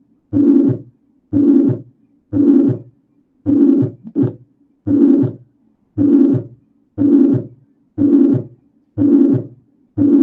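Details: Holosystolic murmur of mitral regurgitation, usually radiating to the axilla.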